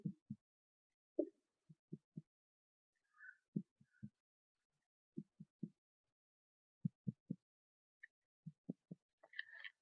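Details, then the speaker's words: Percussion demonstration on the anterior chest below the collarbone (infraclavicular region), using plexor on pleximeter finger: soft hollow taps in groups of two or three giving a resonant note over normal lung. "Normal lungs area पर resonance note आपको मिलेगी"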